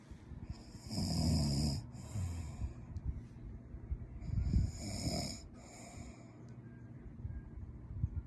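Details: Two loud, rough snores on breathing in from an adult man, rattling low-pitched with a whistly edge, separated by quieter breathing; snoring.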